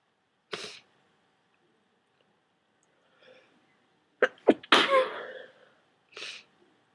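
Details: Repeated wet cold sneezes after taking a strong decongestant: several forceful, wet, explosive sneezes with brief inhaled catches before them.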